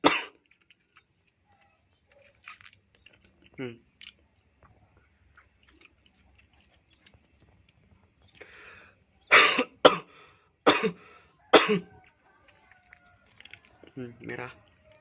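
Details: Person reporting chest pain and red, blood-like traces after coughing, with upper throat pain: several harsh, forceful, productive-sounding coughs in a cluster with throat clearing; cough.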